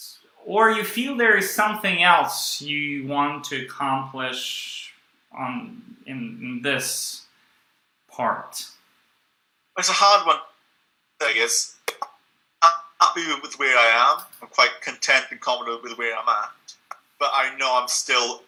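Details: Stuttering since childhood in a young adult man (stuttered his first 18 years) who still stutters and blocks, using a breathing technique only some of the time.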